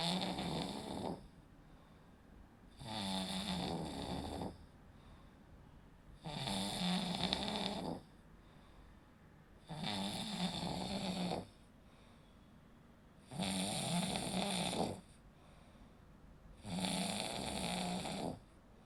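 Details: Snoring during sleep: six loud, rough, rattling snores on the in-breath with quieter pauses between, about 17 breaths a minute.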